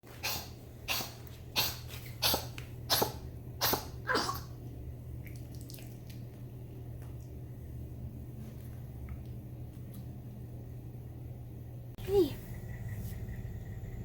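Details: Senior Chihuahua, cough misdiagnosed several times before diagnosis of acid reflux: rapid run of seven dry, hacking coughs, then one more after a pause; later resolved with a supplement powder.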